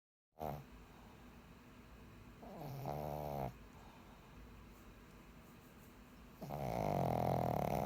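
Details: Pug with apnea: loud, rattling snores with snorting, noisy breathing between them, in a flat-faced dog; snoring.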